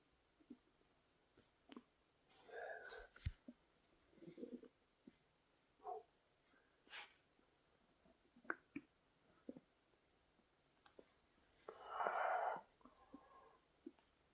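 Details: Adult male's stomach growling during digestion: irregular gurgles, squelches and brief rumbles of bowel sounds.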